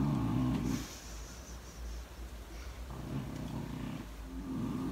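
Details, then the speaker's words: A sleeping girl snores while a woman talks over the sound. "doctor snoring can you hear her sweeping away sleeping away probably because i'm talking right"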